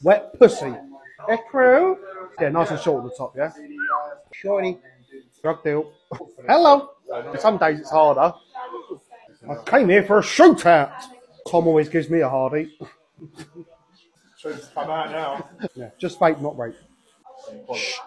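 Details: Adult male barber with Tourette syndrome, whose sudden inserted words and phrases interrupt his conversation and who says some days are harder; vocal tics (Tourette syndrome).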